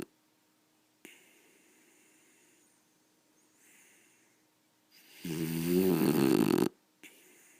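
Quiet breathing, then one loud rattling snore lasting over a second; a dog snoring in sleep.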